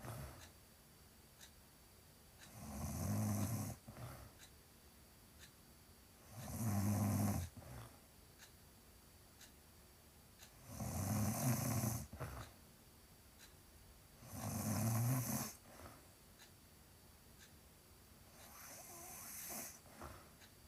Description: Pragnant lady snoring